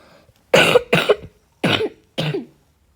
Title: House tour ( sorry for the coughing I am sick